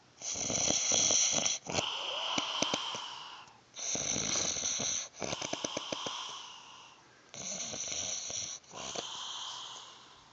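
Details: Homeless shelter resident asleep: loud, harsh, hissing snores with a rattling flutter, repeating every couple of seconds in a small room; snoring.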